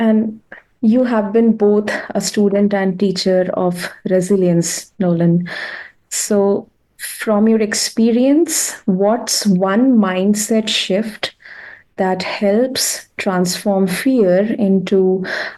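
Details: Adult woman; typical speech.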